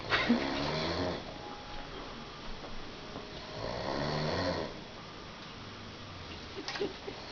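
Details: Two rough, rattling snores with quiet breathing between them over faint room noise; snoring.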